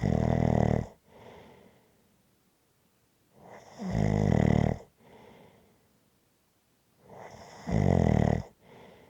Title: Snoring Sounds to Relax to after a hard day.